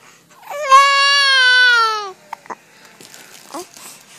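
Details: Infant with hiccups: one sustained, steady wail about a second and a half long, followed by a few brief catching sounds; an infant cry.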